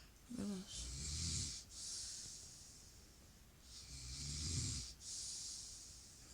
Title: Featuring loud snoring in the back ground😂